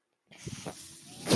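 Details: Mechanical ventilator of the podcaster, heard while he talks: after brief silence, a soft airy hiss with faint low thumps builds into a loud rush of air; ventilator delivering a breath.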